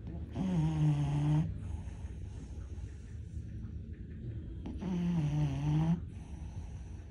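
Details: Loud, harsh snoring on two long noisy breaths with quiet gaps in Onyx, a French Bulldog with brachycephalic obstructive airway syndrome, home video while asleep before a possible second laser surgery; obstructed upper-airway noise.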